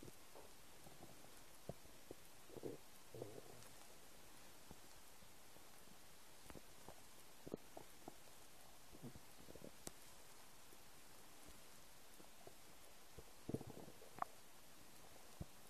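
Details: Empty stomach: soft, scattered gurgles and faint bubbling against a quiet hiss; mild stomach rumbling (borborygmi).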